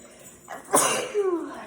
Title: Turkey day sneezes